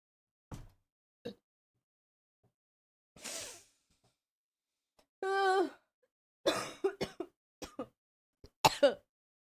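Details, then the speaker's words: Sick person whose coughing is worse than the day before: scattered single coughs, a throat clear and a strained voiced cough, then a quick run of coughs; a bout of repeated coughing. "I sorry guys. I told you my coughing is much worse today than it was yesterday."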